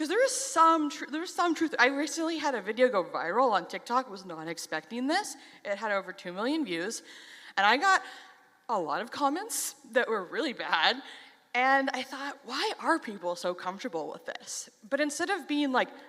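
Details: Stuttering in an adult who stutters.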